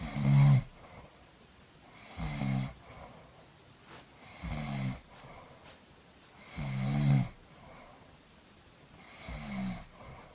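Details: Person sleeping, snoring: regular rattling snores on each breath, about 25 per minute, with soft breathing sounds between.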